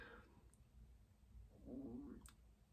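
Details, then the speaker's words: A low, wavering gurgle rises briefly from quiet room noise during speech by a perimenopausal adult woman, who says it was her tummy and really loud; stomach rumble (borborygmi). "that was my time if you could actually hear that noise then that was my tummy so weird really loud"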